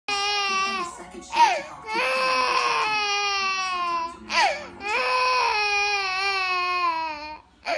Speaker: why you crying why are you crying b per la b b